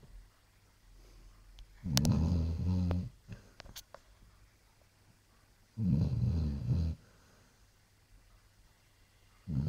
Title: Snoring Basset Hound